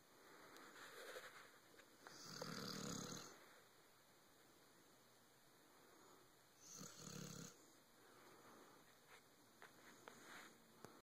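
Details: Dog sleeping deeply on a bed, giving two soft, breathy snores over a steady room hum.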